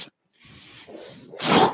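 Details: A brief pause and soft low hiss, then a loud airy whoosh: the speaker's own mechanical ventilator delivering a breath, which he points out while talking in a podcast recording.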